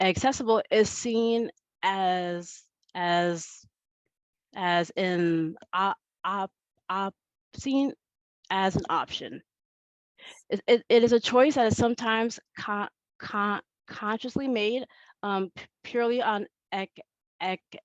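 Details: Adult woman who says she stutters and that it is heard throughout her talk; stuttering.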